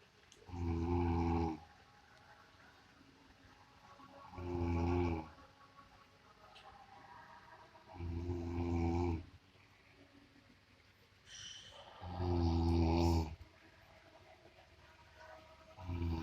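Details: Heavy snoring likened to a buffalo's: loud, deep, rattling snores on each breath in, about 15 a minute, with quiet pauses between.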